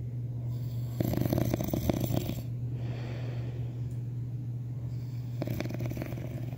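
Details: Snoring: two rattling, fluttering snores over a steady background hum, ordinary snoring.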